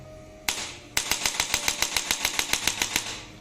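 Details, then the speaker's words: Single sharp clicks, then about fourteen crisp taps at roughly three per second: a digital electric chiropractic adjusting gun (up to 1100 N) with its second attachment firing in the third mode, with more power and speed. "Power कुछ ज्यादा ही और speed बाढ़ गई है अब थोड़ा notice भी कर का रहे होंगे आपकी यह तीसरा मोड होगा"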